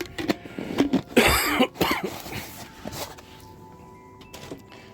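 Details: Adult streamer who reports having the flu gives a short run of harsh coughs, with game music and room noise behind; cough.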